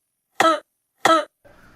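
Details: Simulated cough in a comedy skit: two short, sharp cough bursts, then a faint trailing sound; the character's cough is blamed on air conditioning.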